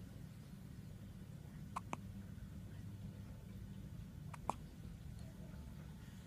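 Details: Little baby boy having hiccups after his feed: two pairs of soft, sharp hiccups over a steady low room hum.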